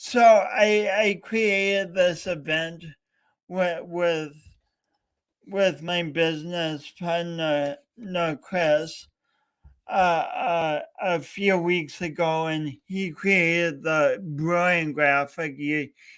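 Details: Real stuttering in a male speaker coached for years by a speech coach, heard during a three-hour live talk-a-thon he set as a challenge for his own voice.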